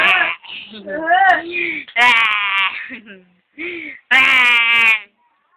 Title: baby crying